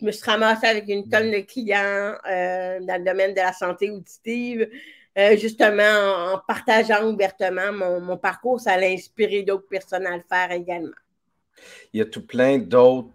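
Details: Speech of an adult woman with severe-to-profound deafness, who uses a hearing aid in the right ear and now has a cochlear implant, and who worked on her voice on her own.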